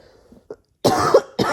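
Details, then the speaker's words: Adult who is 30 weeks pregnant, cough since Thursday, now Saturday and sounding better than the night before: two forceful coughs in a quiet room, the second cut off; plain cough. "It's definitely sounding a lot better than it did last night. Like the last couple of days it started on like Thursday and today's Saturday."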